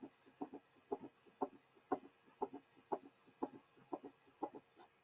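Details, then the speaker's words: Teaching recording of a patient in congestive heart failure with rapid heart rate: an S3 adds to the first and second sounds so each cardiac cycle seems to have three sounds, a summation gallop. "The following example demonstrates an S3 in a patient manifesting congestive heart failure. Since the heart rate is rapid, one of the first compensatory mechanisms of failure, one has the impression that there are 3 sounds with each cardiac cycle."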